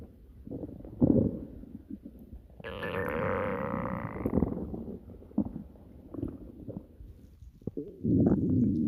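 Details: Stomach growling: borborygmi.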